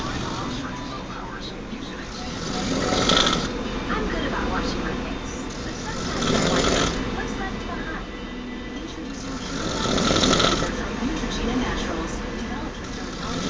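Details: Loud, rasping snores swelling with each breath, every three to four seconds (about 17 breaths a minute), from a sleeping man; loud snoring.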